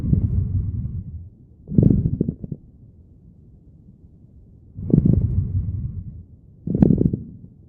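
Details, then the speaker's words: Simulated coarse crackles in an ICU teaching recording: low, loud, discontinuous popping crackles from early inspiration through expiration, from airways intermittently opening and closing; associated with COPD, pulmonary edema, pneumonia, and collapsed small airways or alveoli. "which is discontinuous, louder, and lower pitched, often occur early in inspiration and continue through expiration with a popping quality. So, it's produced by air passing through intermittently opening and closing airways."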